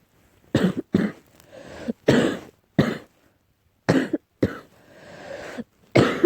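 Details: About seven harsh, explosive coughs in quick bouts with noisy drawn-in breaths between them in a quiet room, coughing while trying to sleep, possibly allergy-related.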